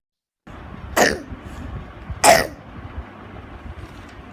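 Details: Child worked up for asthma, with spirometry showing mild obstruction, said to have both vocal cord dysfunction and malacia: two harsh, abrupt cough bursts about a second apart, then a brief voiced sound, a barking cough from tracheomalacia.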